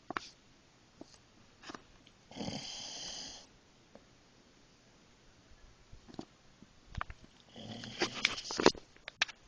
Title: my dog snores like a mac truck